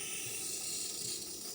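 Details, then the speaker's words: Training demonstration of a hand-held nebulizer with saline, T-piece and flex tubing, gas flow set at 8–10 L/min and just turned on: steady high hiss of gas flow producing mist, normal device operation. "so to set this you'll run it about eight to ten liters so go ahead and turn it on"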